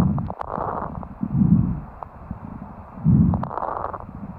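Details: Fine crackles (fine rales) heard through a stethoscope: breath sounds with brief, sharp crackling pops during inspiration.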